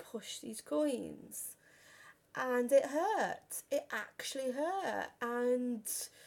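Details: Stuttering in a 32-year-old woman who has stammered since about age five or six, worst on the phone; had speech therapy and learned breathing techniques at 15.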